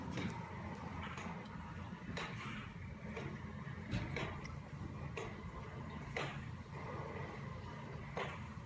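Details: Cough assist (mechanical insufflation-exsufflation) used over a peanut ball on a boy to expand the back of the lungs: steady motor hum with repeated sharp air pulses as it cycles breaths.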